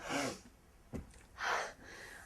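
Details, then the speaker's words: Comedy news segment sampling sneezes: a sharp indrawn gasp and brief catch, then a breathy explosive burst. A sneeze with its build-up. "so we thought we'd look at a few different sneezes to see if we could figure out where the joy is"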